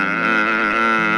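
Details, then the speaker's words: A steady voiced moan of about one second, imitating the expiratory groan-like sound of catathrenia, demonstrated during a radio interview on sleep disorders; catathrenia (groaning during sleep). "el caso de la catatrenia que es el sonido espiratorio eh son diferentes hay varios tipos pero los típicos son un silvido con o como un quejido más o menos"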